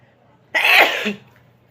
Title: Inducing sneezes.